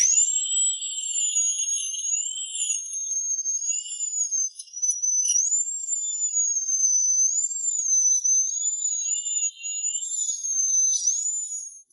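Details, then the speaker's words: Root canal treatment under anaesthetic on a decayed tooth hollowed to the nerve: steady high-pitched dental drill whine, pitch dipping and rising under load, as decay is removed. "Wait for the anesthetic to take effect Doctors start using drill bits to remove humus"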